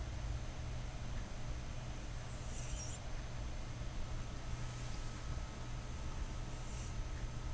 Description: Kimba usually snores, but this time he was whistling through his nose.